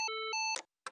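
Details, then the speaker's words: Physio-Control LIFEPAK CR2 fully automatic AED in child mode on a CPR demonstration, after rhythm analysis: steady two-pitch electronic tone then brief soft burst as shock is delivered; AED shock delivery tone. "Do not touch patient. Analyzing heart rhythm. Everyone clear. Do not touch patient. Delivering shock."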